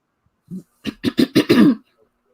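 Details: Short throat noise followed by a run of four to five quick, dry, hacking coughs in a quiet room; a listener remarks it sounds like it's moving toward the chest; dry cough.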